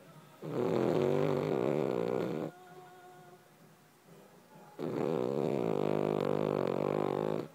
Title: Charlie the snoring dog2